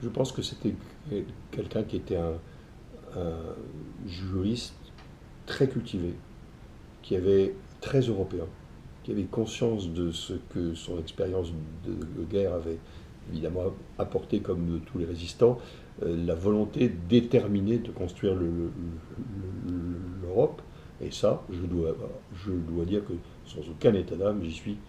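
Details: Stuttering in an adult man; fluency reportedly varies with the listener's receptiveness.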